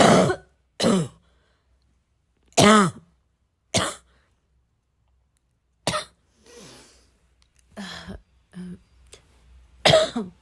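About nine harsh cough and throat-clearing bursts with pauses between them; a bout of repeated coughing with throat clearing.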